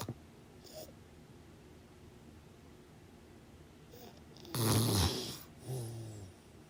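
Faint breathing with one louder rattling, noisy breath and a softer one after it against steady room hiss; snoring during sleep.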